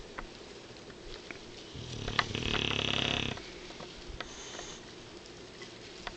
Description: Tank the snoring bulldog, you can't get between him and his beauty sleep!